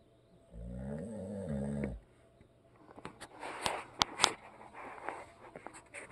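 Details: A husband who is a habitual snorer, asleep: one rumbling snore on the in-breath, then a breath out broken by smacking, clicking mouth and lip sounds.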